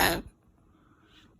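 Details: Sick dog's single harsh forceful cough burst followed by quiet, recorded around 1:22 a.m. during ongoing coughing; owner suspects ribs hurt from coughing.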